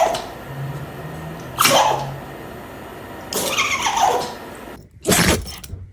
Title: The dog couldn't control its sneezing. #dog #funny #dogshorts #pets #funnyvideo